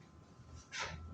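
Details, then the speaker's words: Demonstration of a pericardial friction rub: a brief, harsh scratching rasp over faint room noise from inflamed pericardial layers rubbing together. "ese va a ser el frote pericárdico."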